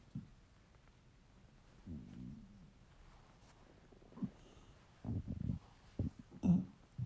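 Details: Male, hungry: soft low gurgles and a few short rumbling stomach bursts in a quiet room; borborygmi from hunger.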